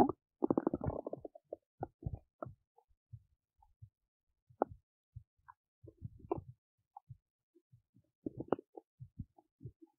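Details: Belly noises while digesting oats: irregular gurgles, bubbling pops and low rumbles from the abdomen, with a longer gurgling run near the start; active bowel sounds.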